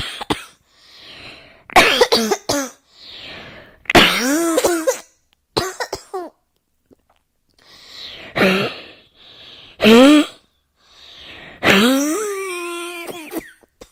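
Repeated harsh coughing bursts in clusters with inhaled breaths between them, indoors; continuous coughing.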